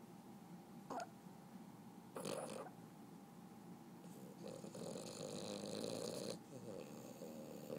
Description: Boston terrier snoring